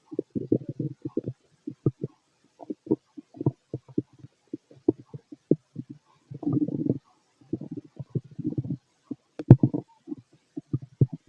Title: Fit male stomach growls